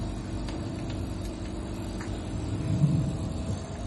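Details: Steady low mechanical hum with constant drone and faint clicks from a YUWELL 8F/9F oxygen concentrator running normally, delivering about 95% oxygen via nasal cannula and humidifier bottle.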